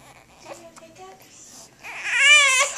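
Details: A baby with hiccups: soft fussing builds into a loud, high-pitched infant cry.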